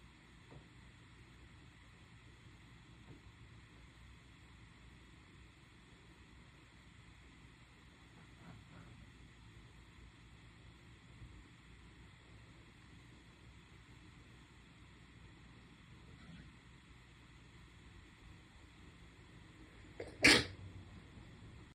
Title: sneeze 46